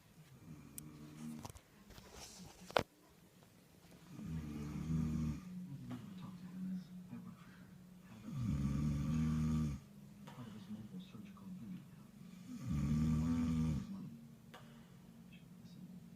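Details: Adult male partner who denies snoring: loud low rattling snores on inhalation, about three, roughly every four seconds, with quiet breathing between; snoring during sleep.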